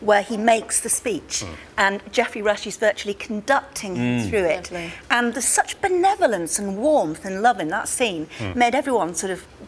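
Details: Adult woman speaking; normal fluent speech.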